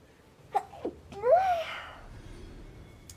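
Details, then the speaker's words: Stifled sneezing in a young woman while gaming, with her eyes watering afterward: two short stifled catches, then a fuller breathy sneeze with a rising and falling voiced burst. "Oh my goodness. Sneezing. My eyes are watering."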